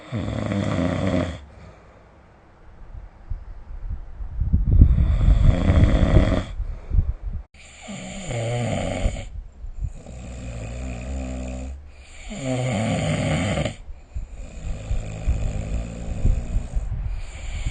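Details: Snoring during sleep recorded with the SnoreLab app: deep, rumbling, uneven snores, one after another.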